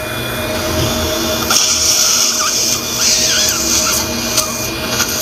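High-pitched drill whine with irregular bursts and background room noise; a dental drill clearing infected tissue from an extraction socket.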